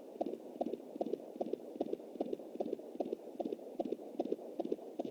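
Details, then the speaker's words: Fetal heartbeat at 20 weeks + 7 days on a Jumper home Doppler, anterior placenta: rapid, regular galloping whoosh-beats about 150 a minute, distinct from the mother's 93-per-minute arterial pulse and placental noise. "Definitely has to sound like a horse galloping. That's the baby."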